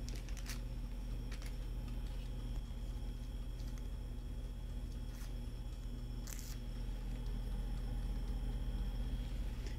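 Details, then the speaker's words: Laboratory centrifuge spinning balanced blood tubes for PRP/PRF preparation, set on 2.5 for 15 minutes; steady low motor hum with a few faint clicks and handling noises. "this is going to be balanced so we're going to start this right away this is set on Two and a Half we're going to go in 15 minutes and that's going to start spinning"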